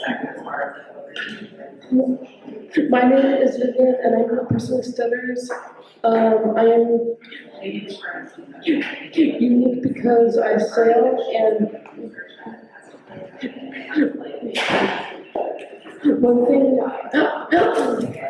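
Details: Stuttering in a girl, who describes it as holding a word for a few seconds or repeating a word a couple of times.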